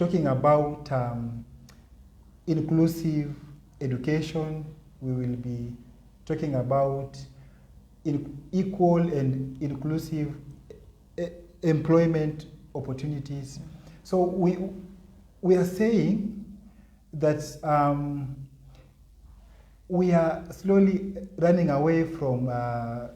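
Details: Adult man with stuttering (stammering), severe in primary school, registered as having a stammer disability; he says nervousness amplifies his blocks.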